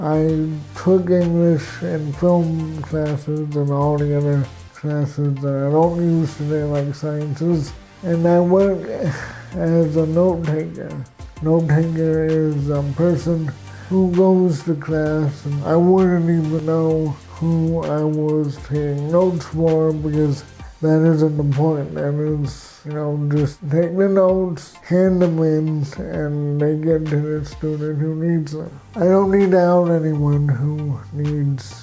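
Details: Adult man with cerebral palsy, with walking difficulty and frequent falls; real patient speech; dysarthric speech in cerebral palsy.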